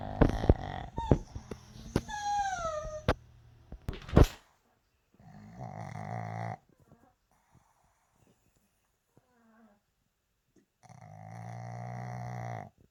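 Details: Pug snoring: snorting and squeaky noises, then two buzzing snores about two seconds long separated by quiet.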